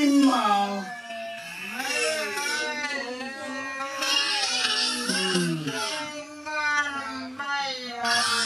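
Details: High, wavering cries and whimpers rising and falling continuously from a baby monkey left without milk a long time; hungry distress cry.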